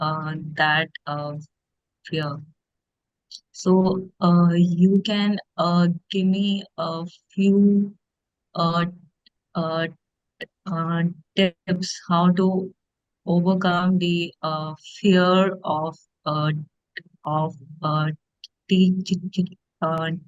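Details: Stuttering in a woman who stammers, speaking as an audience member in a podcast Q&A.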